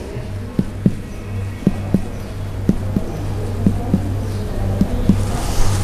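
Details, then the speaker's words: Cardiac examination percussion over the bare area of the heart, not covered by lung, at the fourth and fifth intercostal spaces: paired short, low taps give the normal impaired, dull note. "not covered by the lung so the normal note in this area is impaired or dumbest okay impaired note"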